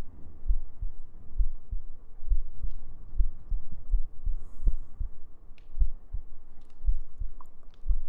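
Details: ASMR sleep-aid girlfriend cuddle role-play with heartbeats, gentle breathing and humming: steady, soft, deep thumping heartbeat, around 70 beats a minute, with a faint background hum.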